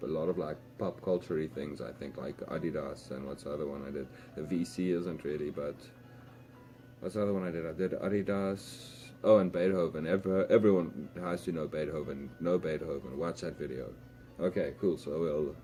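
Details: Adult man speaking English as a second language who says he stutters a lot, also in his home language, and uses "um" or little sounds to cover blocks; stuttering.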